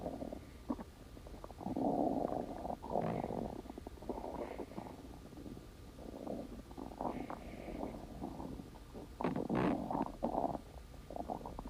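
Long, rolling gurgles and rumbles in waves over low background hiss; ordinary stomach growling from gut movement.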